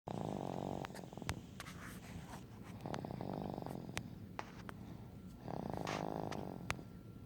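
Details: Slow, regular rattling breath sounds on each breath, with faint clicks in between; snoring.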